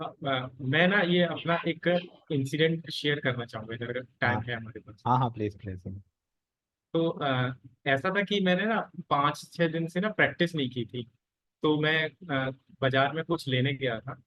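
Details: Adult man in a stammering practice group, speaking Hindi; stammering.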